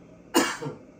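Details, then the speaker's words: Voluntary cough in a lung breathing exercise: after holding the breath as long as possible, the person stands, takes a deep breath, lowers the arms and gives a single short, soft, deliberate weak cough. "once you can't hold your breath anymore you stand up and when you're standing up you're taking a deep breath deep breath and then you're just putting your arms down just coughing making like weak cough like"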